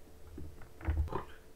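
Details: A brief, abrupt grunting vocal noise from a speaker who says he has Tourette syndrome and is currently sick: a simple vocal tic heard during his talk.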